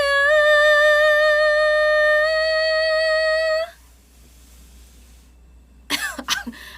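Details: Two short, harsh cough bursts after a long, steady sung note and a pause, from a singer a few days after COVID who is still coughing.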